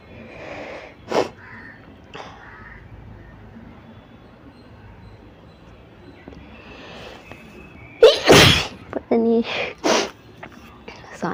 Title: 100 times sneezing challenge with papar sneezing challenge tamil| sneezing challenge part4